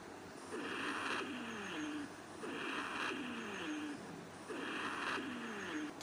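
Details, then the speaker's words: Rhonchi heard over the whole chest: breaths at about 30 a minute, each with several low, falling, continuous musical whistles over airy breath noise, from narrowed airways. "आपने देखा बिल्कुल continuous म्यूजिकिकल whistling sounds हैं जो narrowed Airways से produce हो रही हैं।"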